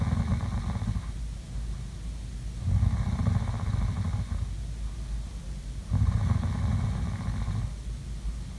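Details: Snoring sleep sounds recorded for ASMR relaxation: low rumbling snores on a steady background hum, about every three seconds; ordinary snoring.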